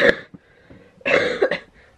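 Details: Cough from an adult woman treated for pneumonia after an inconclusive chest X-ray, on steroids and strong antibiotics: three harsh, forceful coughs, the last two close together, with quiet pauses between.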